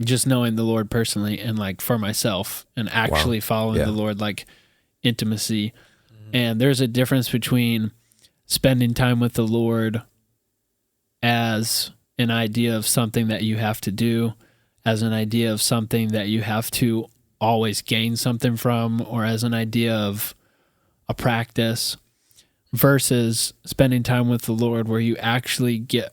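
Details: Adult male speaker; normal speech.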